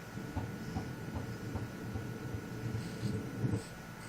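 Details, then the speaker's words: Ultrasound at 12 weeks 4 days of pregnancy picking up fetal kicking and jumping: muffled irregular thumps and swishes over a low hum; normal fetal movement. "So it picks up any motion, even if it's them jumping."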